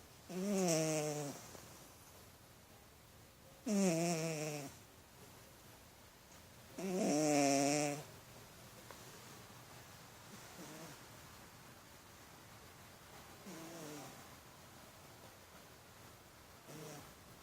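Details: Cat snoring while asleep: rhythmic nasal snores about every three seconds, roughly 19 a minute, loud at first then fading.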